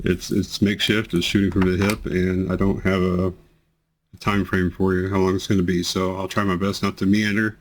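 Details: Man with multiple system atrophy reports amplified, unceasing tremors that worsen with activity and emotion and affect his voice; voice tremor.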